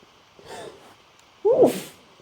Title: itchy wet sneezes